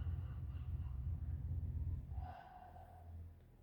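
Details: Low, soft normal breath sounds through a stethoscope on the back over the scapular zone of a female patient breathing through the mouth, in a lung auscultation demonstration; healthy lungs.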